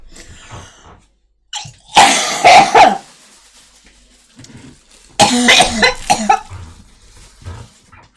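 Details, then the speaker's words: A woman with bronchitis together with tonsillitis coughs repeatedly and clears her throat. "Да. Это этот бронхит. И оказывается ещё и вместе с танзиелитом. >> Да, всё время кашлит."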